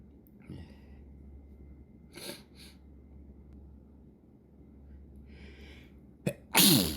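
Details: Morning sneezing fit before breakfast with soft inhalations and a few faint bursts, then a sharp, loud explosive sneeze over a low room hum; sneezing.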